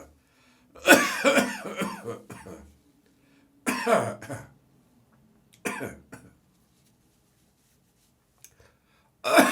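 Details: Morning cough: three bouts of harsh, loose, rough coughing and throat clearing separated by silence.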